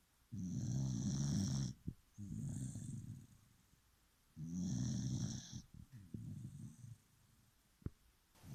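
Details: Deep, rumbling snores on both breathing in and out, with whistling nasal tones, from a sleeping dog; snoring.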